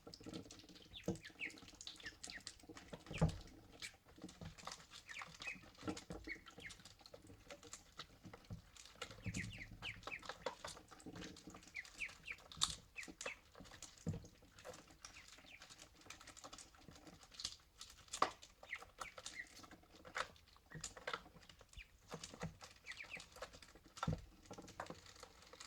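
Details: Ducklings make many tiny, sharp sneezes between soft peeps and splashing right after drinking, clearing their nostrils: sneezing.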